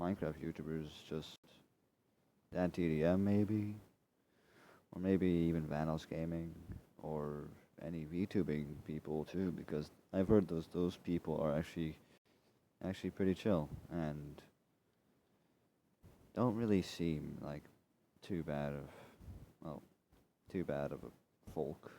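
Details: Male speaker who says he is dyslexic and stutters over his own words, often repeating himself, and cannot really control it: stuttering.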